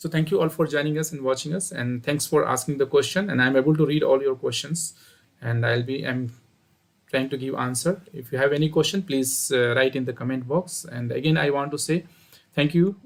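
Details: Adult male speaker; normal speech.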